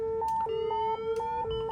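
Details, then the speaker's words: Steady two-pitch alternating electronic tone from LifePak 15/20 defibrillator paddles charged to 10 joules during a nurse's paddle-check training demonstration: a defibrillator charging tone. "And there's a charge button on both of these paddles. So I'm going to charge it up."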